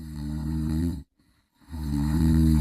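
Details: A singer of Stray Kids, described as snoring very heavily when tired, snoring: two loud, low, rattling breaths separated by a brief silence.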